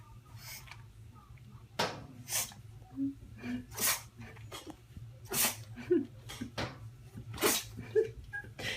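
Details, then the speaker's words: Female pug sneezing repeatedly: short, snorting sneezes in a quiet room while the owner asks why she keeps sneezing. "Bella. Why do you keep sneezing?"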